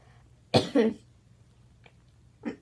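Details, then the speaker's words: Child who says they are not feeling well, recording in a quiet room: two loud harsh cough bursts in quick succession, then a softer third a moment later, remarking on their voice and the big cough. "oh my god my voice oh boy that was a big cough"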